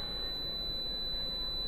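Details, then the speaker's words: Apex locator during root canal working-length measurement in the mesiobuccal canal of a three-canal tooth: continuous high-pitched tone signaling the file passing through the apex, length about 18.5 mm. "again you see it's going through the apex locator is telling me i'm going through"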